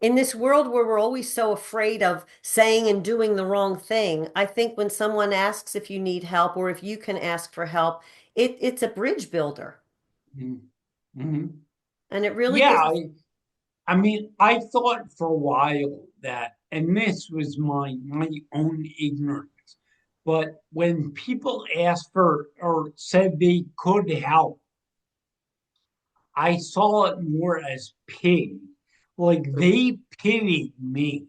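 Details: 45-year-old man with cerebral atrophy and ataxia, a degenerative brain disease diagnosed in 2013 or 2014 affecting movement, balance and speech; speech changes began around 2020 as the disease progressed; ataxic dysarthria.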